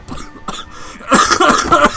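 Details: Man with his third cold of the winter, ear infections and chest complaints since July: a short burst of harsh, congested coughs over room noise.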